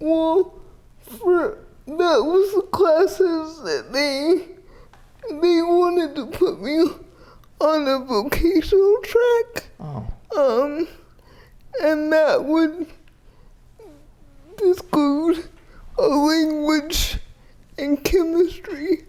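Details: 30-year-old woman with GMFCS Level 4 (severe) cerebral palsy, quadriplegia with an athetoid component, using a power wheelchair; speech may be difficult to understand; dysarthria (cerebral palsy).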